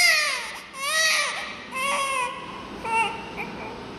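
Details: Newborn crying in high-pitched, wavering bursts with brief breaths between, in a small room; baby with a breathing problem receiving oxygen through a tube.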